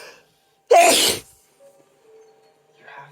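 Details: A single loud, explosive sneeze with a brief voiced onset, followed by quiet: a sneeze from a male, induced with chhikni sneezing powder.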